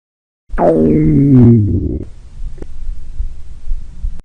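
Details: Girl's stomach growling: a loud, drawn-out growl with a falling gurgling tone, then low rumbling; ordinary bowel sounds (borborygmi).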